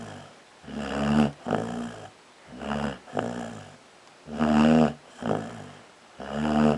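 Loud, deep, rattling snores on both breathing in and out, at about 30 sounds a minute: heavy snoring.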